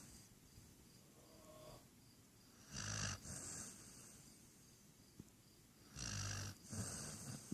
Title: snoring part 1